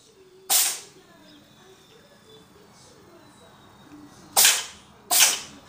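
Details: Three short, sharp, hissing sneezes from a cat, one alone then two close together, over quiet room noise: repeated sneezing.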